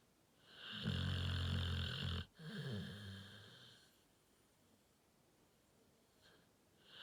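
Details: Sleeping bully XL dog: a single loud, rattling snore on the in-breath, followed by a quieter rumbling breath out; snoring.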